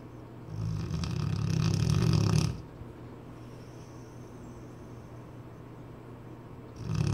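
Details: Cane Corso dog snoring: a loud, deep, rumbling snore on the in-breath lasts about two seconds, then quiet until the next breath.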